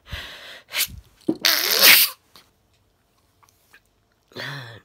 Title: The Sneezing Sniffler - Trying to Stifle My Sneeze